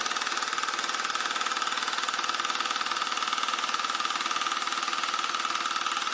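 Rapid, very regular mechanical tapping, about three pulses a second, steady throughout: a low-intensity shockwave therapy handpiece firing.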